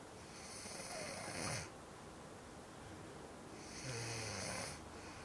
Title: My Sister Snoring!